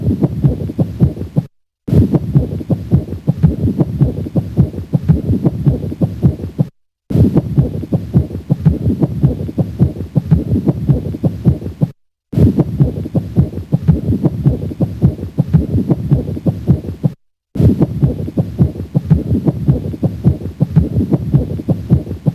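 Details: Pericardial friction rub auscultated at the cardiac apex: rough, scratchy low sounds repeating with each heartbeat.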